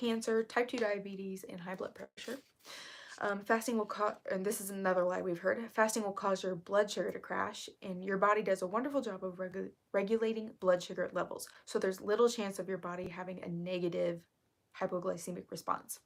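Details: Woman who reports currently having really bad vocal fry, which she attributes to speaking quietly on purpose; vocal fry.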